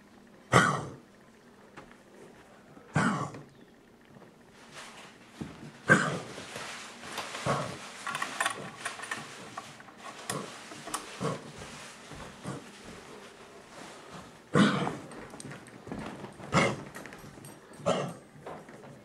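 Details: Dog with repeated harsh, explosive coughs and rough, throaty hacking between bursts.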